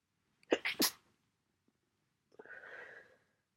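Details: Sneezing in a person with a cold and much congestion: a quick run of sharp inhaled catches ending in one explosive, hissing sneeze, then a sniffly exhale.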